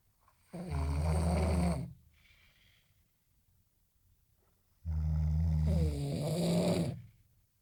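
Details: Snore competition between two third-year civil engineering students: two long, deep, droning snores with buzzing low tone separated by a quiet pause; loud snoring, about 14 breaths a minute.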